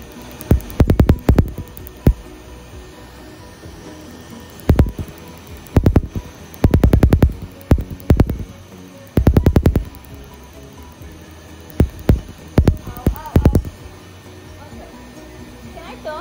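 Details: Laser tattoo removal on a female shoulder: rapid clustered bursts of sharp snapping laser pulses over a steady hum of cold air from an air chiller that numbs the skin, with faint background music.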